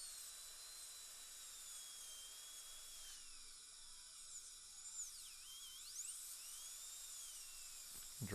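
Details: High-pitched whining dental drill with pitch dips as it cuts, trimming a hand instrument during retrieval of a broken Keystone Prima implant screw fragment; quiet room noise.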